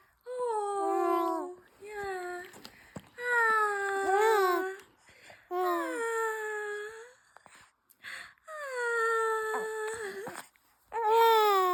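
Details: A baby girl with hiccups cries in repeated wailing bursts, with brief sharp catches and pauses between them, in a quiet small room.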